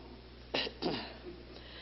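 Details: Two short, light, dry cough bursts close together from an adult woman talking, over a steady low room hum; small cough.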